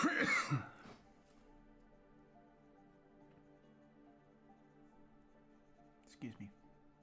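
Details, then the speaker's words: An adult streamer coughs during a live stream, apologizing for the coughing. "me excuse me while I sound like I'm coughing which I am obviously"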